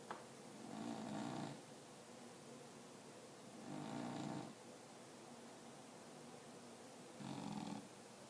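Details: Soft, rumbling snores from a sleeping cat that snores from time to time, three in about eight seconds (roughly 20 breaths a minute), over quiet room noise.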